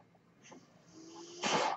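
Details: A soft mechanical hiss and faint steady hum, then a loud rush of air as the speaker's own mechanical ventilator delivers a breath.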